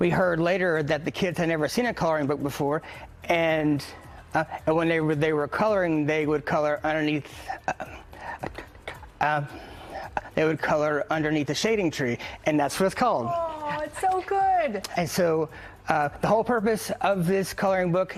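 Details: Real adult man who stutters and founded a stuttering nonprofit; he gets stuck on certain letters and sounds, especially when greeting on the phone; stuttering.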